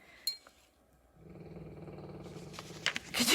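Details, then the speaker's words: Soft, steady rumbling snoring from a sleeping dog, recorded indoors during a painting session, with light clinks and room sounds in the background. "you guys hear the dog snoring?"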